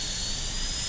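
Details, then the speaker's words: Steady high-pitched whine of a high-speed dental drill on a typodont during a lower-arch Class II #30 MO preparation teaching demo; axial wall finished, removing excess. "Okay, so that axial is about where I want it. So now let's get rid of the excess."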